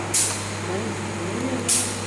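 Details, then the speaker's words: Jet nebulizer compressor running with its tubing blocked, then released to clear trapped air or water bubbles during maintenance: steady low motor hum with two sharp bursts of hissing air; jet nebulizer compressor running. "Masih tetap sama, alatnya dioperasikan, tapi ini ditutup dulu seperti ini. Ini dioperasikan, terus dilepas."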